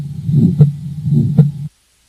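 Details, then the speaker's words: Aortic stenosis murmur: rough crescendo-decrescendo systolic ejection murmur between S1 and S2, not in the longer pause after S2. "what i want you to try to focus on most importantly is distinguishing that the sound occurs between s1 and s2 not between the longer pause between s2 and the next s1"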